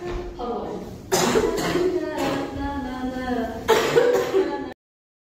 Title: girl coughing 4